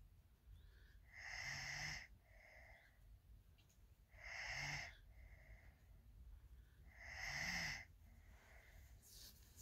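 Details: Snoring in a sleeper who fell asleep in a bed after a long day: three loud, rattling breath noises about 3 seconds apart, roughly 21 per minute, each with a whistling, high-pitched edge.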